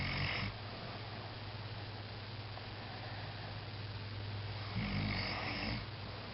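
Low rumbling snore noise with two louder snoring breaths over about six seconds, against steady background hum.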